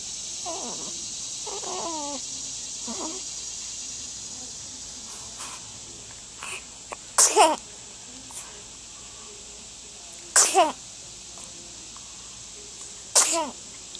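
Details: Sneezing in a small hedgehog: three sharp, brief sneezes a few seconds apart after faint squeaky sounds.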